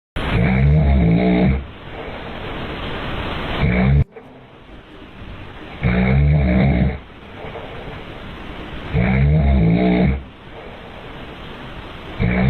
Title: babies can't handle the snoring 😅😂